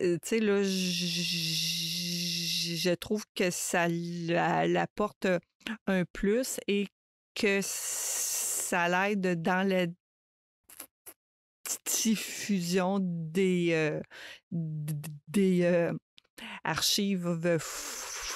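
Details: Adult woman who stutters, a mother of two adolescents; stuttering.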